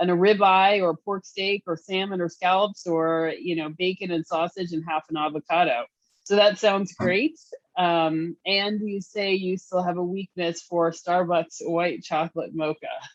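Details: Adult woman speaking; normal speech.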